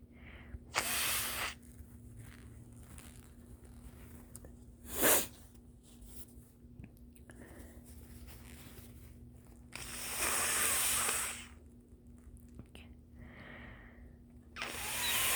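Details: Early-morning nasal congestion blamed on the weather: several loud, wet, rushing nose-blows with brief squeaky whistles, clearing a congested nose; nose-blowing with nasal congestion.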